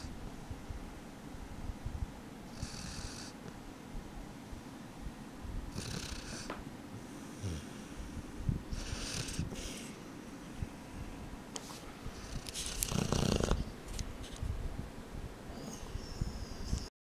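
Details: Low, rumbling, rattly snoring with soft snorts over room noise from a sleeping dog; ordinary snoring.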